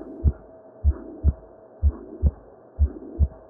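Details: Simulated heartbeat faked with a stethoscope technique from a 1910 paper, near 60 a minute, with a soft rushing noise filling the gap between the paired beats: pansystolic murmur.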